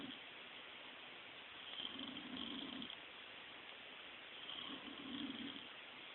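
Two slow, low rumbling snores over steady hiss in about six seconds; snoring.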